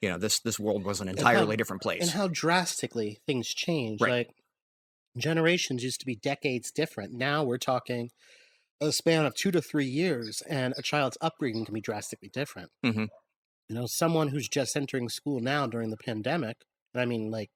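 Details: Adult man speaking; normal speech.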